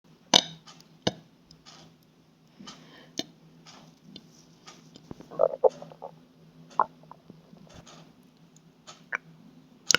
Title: Burps an little stomach gurgles